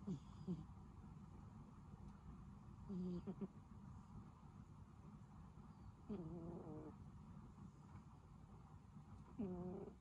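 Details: Soft, short nasal snorts about every three seconds over steady room noise from a sleeping pet cat; the owner says the cat does not snore every time but snored loudly that day: cat snoring.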